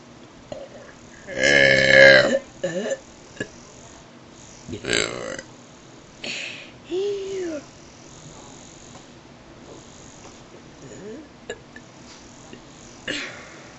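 A long, loud, voiced burp, then several shorter burps and throaty sounds with some light background noise.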